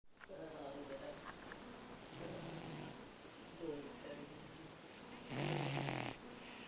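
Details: Very loud snoring from a big, fat pet cat: snoring.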